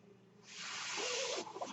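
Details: Mechanical ventilator breath cycle from the podcast speaker's own ventilator, heard while the speaker talks.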